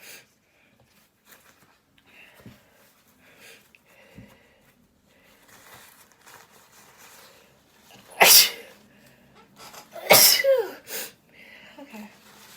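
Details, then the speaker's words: Sneezing and sniffling after cleaning a dusty bedroom: quiet rustling, then two or three loud sneezes with small noises in between. "I've been sneezing, sniffling. I just wanted to see if any more sneezes will come out."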